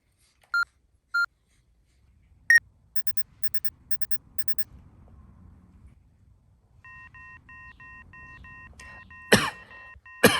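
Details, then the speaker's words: Single beeps, then a quick run of short beeps and a repeating electronic tone over quiet room noise, as a young monkey playing doctor presses a toy plastic thermometer to her sick, feverish dad's forehead; staged home story, not a real measurement. "With an incredibly serious expression, Lily pressed the thermometer to her dad's forehead."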